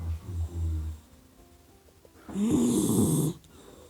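Low rumbling snore followed by a louder snorting breath sound from a sleeping puppy, with music faintly behind; ordinary sleep snoring.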